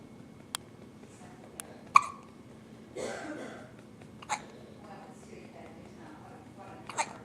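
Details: Newborn infant boy, a few days old, with frequent hiccups also before birth, hiccupping: several brief, sharp, spaced clicks and catches in a quiet room; infant hiccups.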